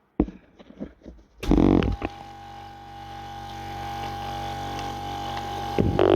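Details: Sunset SU100DC portable suction machine used by a person with a trach. Handling clicks, then the motor starts with a steady low hum and whine that builds slightly as the tip is restricted, raising the gauge; suction machine running.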